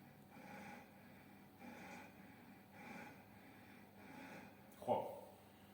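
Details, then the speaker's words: Maximal voluntary ventilation (MVV) manoeuvre during spirometry: repeated forceful, rapid deep breaths through a mouthpiece, roughly a second each, sustained with maximal effort for 12 seconds until the software automatically stops recording. "بلافاصله شروع میکنه به دم و بازدم‌های عمیق و سریع انجام دادن به مدت ۱۲ ثانیه و با تلاش زیاد و با سرعت زیاد دم و بازم‌های عمیق و سریع انجام میده تا اینکه ما بتونیم حجمی که جابهجا میشه رو در مدت این ۱۲ ثانیه"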